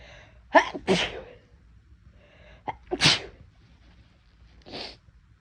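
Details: Short sharp inhales followed by about four explosive sneezes in a few seconds, softer one at end; induced sneezing in a person whose nose felt unusually sensitive and itchy that day.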